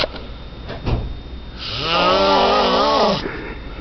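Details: Sleeper snoring while holding Valentine's gifts: a single loud, drawn-out rattling snore with a buzzing, throaty tone on the in-breath; snoring.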